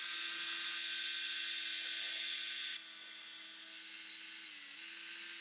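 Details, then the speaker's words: Powered thin-wire surgical drill making a hole in bone through a drill guide for a suture anchor, during arthroscopic right-shoulder Bankart repair for dislocation: steady high-pitched motor whine that drops in tone partway through. "so if you look very carefully you'll see a little thin wire that functions as our drill"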